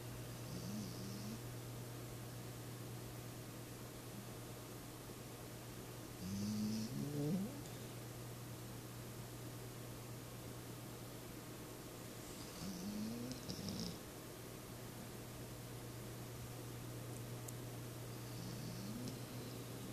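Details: Faint, squeaky snores recurring about every six seconds from a sleeping cat over steady room hum; snoring.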